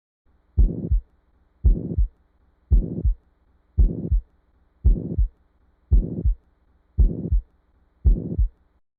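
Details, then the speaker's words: Simulated ventricular septal defect: heartbeat at about 56 per minute with a steady burring pansystolic murmur filling all of systole, a plateau-shaped murmur. "septal defects this present as a pansystolic Mur which essentially means that it occurs throughout the entire duration of systo"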